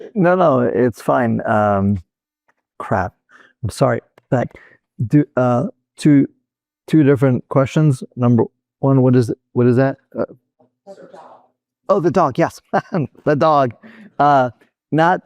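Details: Real adult male stroke survivor with Broca's aphasia, which resulted from a stroke in 2007; Broca's aphasia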